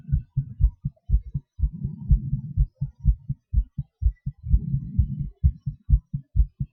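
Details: Own heartbeat recorded during breath-holds and panting (hyperventilation): normal heart sounds whose rate speeds up and slows with the breathing exercises.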